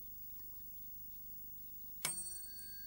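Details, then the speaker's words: Tuning fork struck and placed on a patient's forehead for the Weber test during a cranial nerve examination; sharp strike then clear steady ringing tone. Normal response is hearing it equally on both sides. "I put the tuning fork on the forehead and ask the patient if he hears it better in one side or the other or the same both sides that's the normal response"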